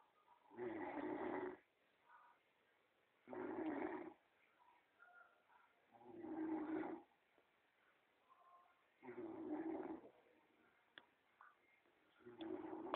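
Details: A person asleep on holiday in Kavos in 2006 snores with rough, rattling sounds on each breath, about 20 a minute, with quiet pauses between.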